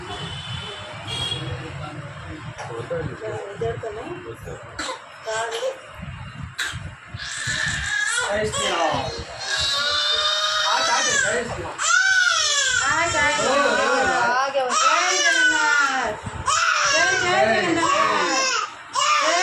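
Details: Two-month-old baby girl during ear piercing: fussing turning into loud, high, sustained crying in long wails, adults soothing nearby; infant pain cry.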